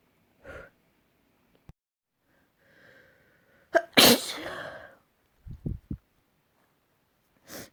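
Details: Sneeze: after a few catching breaths, one forceful sneeze bursts out, followed by sniffles and a softer sneeze at the end.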